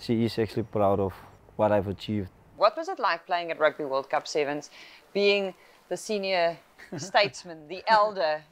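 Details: Adults speaking, likely two voices; normal speech.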